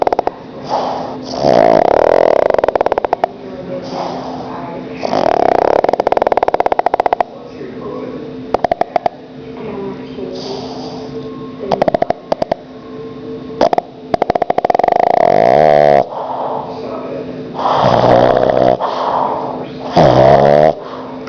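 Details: Pug napping in the afternoon on owner's lap: loud, repeated snorting and rasping breaths with a vibrating, honking quality; snoring.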